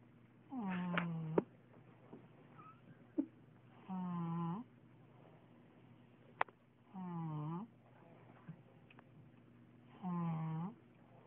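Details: A girl snoring at naptime (possibly a baby): regular tonal snores with a falling pitch, about 19 a minute, separated by quiet pauses with faint clicks.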